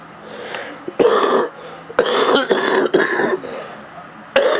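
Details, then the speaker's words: Adult man with a cold, a former smoker: several harsh, rough coughs in quick bursts with a rattly, throaty quality, which he says resembles his old smoker's cough; chest cold cough. "yeah this cough I got reminds me of being a smoker when I was a smoker I had this kind of cough but now that I don't smoke anymore h I don't have that cough"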